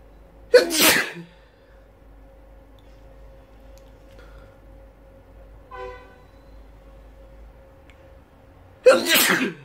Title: Loud sneezes